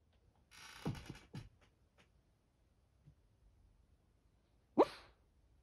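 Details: Senior 13-year-old dog with a heart murmur sleep talking: a few soft whimpers and muffled yips with quiet pauses between, during sleep.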